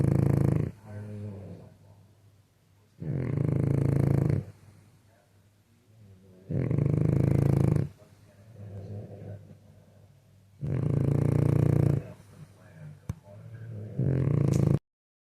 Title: snoring beauty